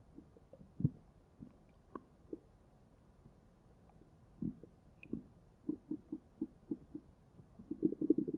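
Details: Soft irregular gurgles and low rumbles from the belly, with a quick run of bubbling pops near the end; ordinary stomach growling (borborygmi).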